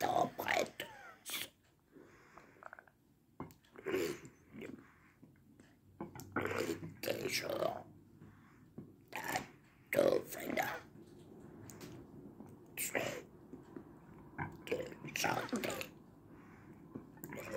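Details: Adult man's esophageal speech, speech therapy begun April 2019 at a hospital; esophageal speech.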